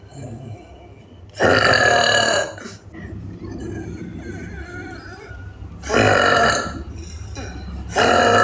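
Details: Three loud, long, rumbling burps with quieter room sound between them, from a burp compilation; burping.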